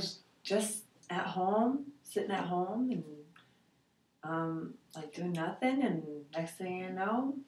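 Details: 72-year-old man with aphasia after a stroke in July 2003, with naming and expression difficulty, normal speech sound production, and bilateral sensorineural hearing loss, answering interview questions on the Western Aphasia Battery Revised; aphasia.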